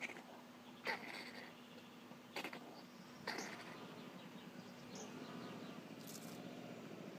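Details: Hedgehog coughing in a garden: three short, sharp coughs over steady background hum and traffic-like noise.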